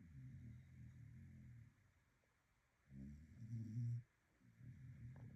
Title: #a dog snoring